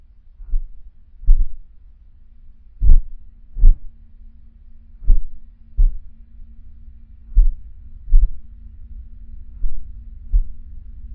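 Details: Heartbeat: paired low thumps about one and a half seconds apart, roughly 40 beats a minute, over a faint steady hum.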